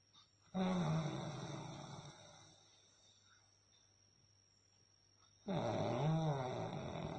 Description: Real sound of a snoring during a deep sleep.